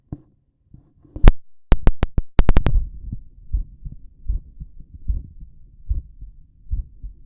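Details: Heart auscultation in left lateral decubitus position: sharp handling clicks, then steady low heart thumps at about 75 beats per minute in a regular rhythm, ordinary heart sounds.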